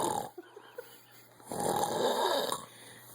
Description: My brother snoring